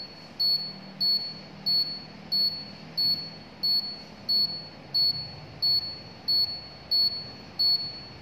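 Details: Polygreen KP7520 automatic upper-arm blood pressure monitor, cuff on left arm, self-measurement; steady beeps over soft pump hum during reading, result flagged slightly high (yellow), heart rate 90.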